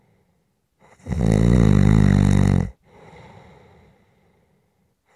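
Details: Snoring during sleep, recorded as a relaxation and white-noise sound; snoring.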